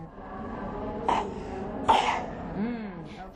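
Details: Two short, harsh cough bursts about a second apart over soft fussy sounds, from a breastfeeding young child being assessed for cough and difficult breathing, with chest indrawing present; cough.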